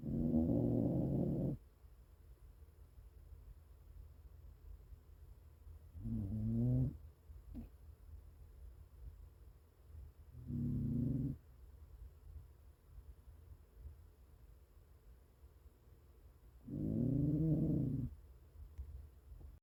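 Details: A Chinese Crested hairless dog snores while napping, in four low, rattling bursts roughly every five seconds with quiet breathing between; snoring.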